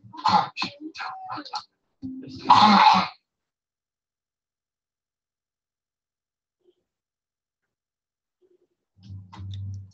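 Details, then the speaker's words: Home video from a parent: a young boy playing Spider-Man with an adult coughs repeatedly, at least once a minute, a habit cough. "There was another cough. So at least once a minute, okay, he's got a cough."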